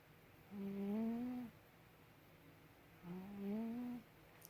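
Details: Sleeping pet cat: two soft, tonal, droning snores on the breath, each about a second long, in a quiet room; ordinary cat snoring.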